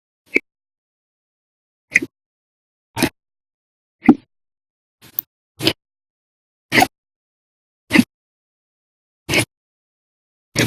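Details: About ten abrupt, sharp gulping sounds at slightly uneven intervals of one to one and a half seconds: repeated hiccups in an episode lasting 11 hours 55 minutes after meals and two cups of soda after dinner.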